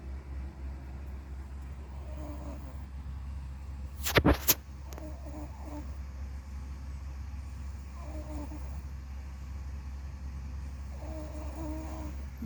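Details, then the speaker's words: Nearly two-year-old girl asleep, elevated on a pillow, noisy breathing for about three weeks, CPAP not working for her: soft, high whistling tone on each breath; stridor. "yeah she's pretty noisy with her breathing these days i wanted to try having her elevated a little bit to see if that would make a difference"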